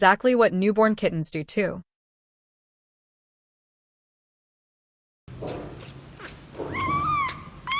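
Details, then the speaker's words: Newborn kitten giving a series of high, thin mews, then a longer rising-and-falling cry over room noise; kitten cry. "生まれたばかりの子猫の鳴き声です。"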